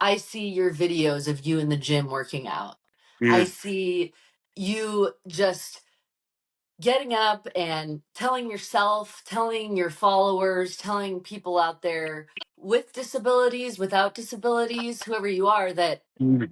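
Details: Adult speaker in conversation; normal speech.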